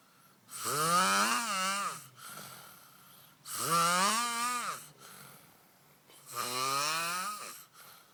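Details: Adult man snoring heavily: three loud, rattling, rising-then-falling snores on the in-breath, about 21 a minute, with quiet breaths out between; ordinary heavy snoring.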